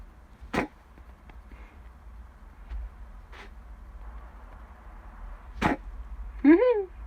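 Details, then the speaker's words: A pet rabbit gives three brief, sharp puffing bursts a few seconds apart over quiet room noise, with a short human exclamation at the end; sneezing. "Whoa! You really like sneezing, don't you?"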